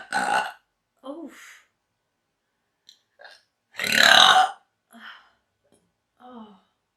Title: Woman gets hiccups from induced burping